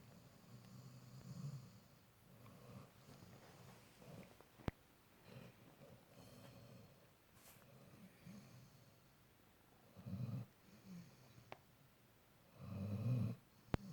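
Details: Snoring in a sleeping Labrador retriever: quiet, low snorting snores and soft breathing at irregular intervals, with a louder snore near the end.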